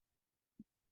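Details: Recorded human second heart sound (S2), used for estimating A2–P2 splitting interval with two microphones: a single brief low thump, then the start of another; S2.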